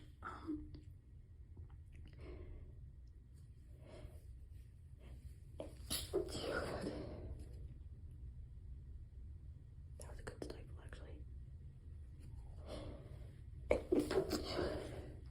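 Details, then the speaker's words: Adult with a cold on day 2, with asthma and narcolepsy, in a library study room trying to keep quiet: soft breathy bursts and muffled, held-back sneezes; stifled sneezing. "I'm doing my level best to keep these quiet more than usual, and I think honestly trying to keep them quiet in the comfort of my own home and then trying to keep them quiet in public is is a little bit different."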